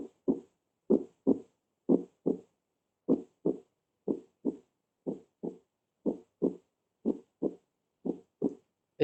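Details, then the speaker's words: Normal heart sounds: steady paired lub-dub sounds at about 60 beats a minute. "los más cercanos a unos ruidos cardíacos normales y así vimos escuchar y así sabemos que si vamos a darle y la sonoridad serie doble doble doble pero y esa sería la sonoridad normal"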